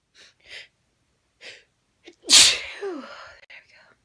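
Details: Female sneezing after sniffing chhinkni for a tickly nose: a few soft breaths, then one loud explosive sneeze trailing off with a voiced exhale; an ordinary induced single sneeze.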